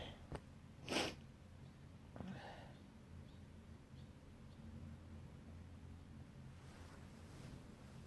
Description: Woke up with a tickle in my nose and here we are Again with this wet sneezing fit in bed...( with noseblow in the middle of the vid )